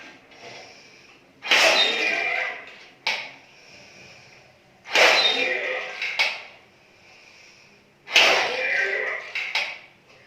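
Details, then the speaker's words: Three strong, sustained forced exhalations into an upside-down incentive spirometer with short rushing tails. The person blows only 2 balls, stated as about 900 cc per second, an average lung capacity. "I'm able to blow only 2 balls at a time, which means my lungs capacity is only 900 cc per second, which is very average."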